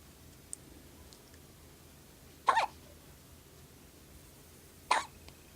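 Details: Baby with hiccups right after finishing a full bottle: two short, sharp hiccups about two and a half seconds apart, with quiet room noise between; hiccups.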